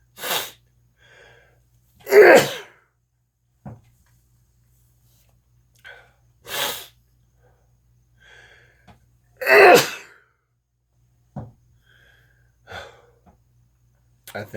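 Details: A sneezing fit that keeps going: three loud sneezes, each with a sharp breath in before it, with softer breaths and sniffs between.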